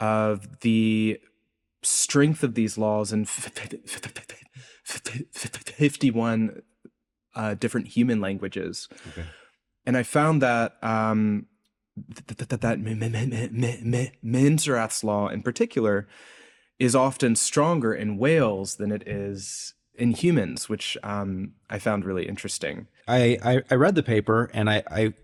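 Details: Adult man's real, self-reported speech impediment, present throughout the interview; this clip has word and sound repetitions; stuttering (disfluent speech).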